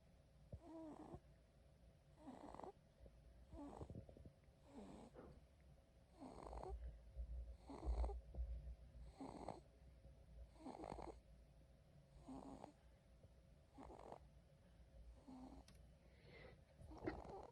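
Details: Baby girl sleeping: soft, rhythmic snoring with each breath, about 14 breaths per minute, over steady room hum; snoring.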